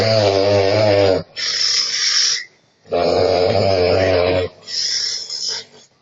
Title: Very funny snoring fail